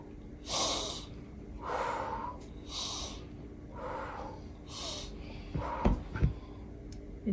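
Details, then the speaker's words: Slow, deep paced "star breathing" by a young child in the dental chair during his first filling, about five breaths in seven seconds with audible airflow and a few clicks at the end. "now I need you to take some more breaths you want to do star breathing again"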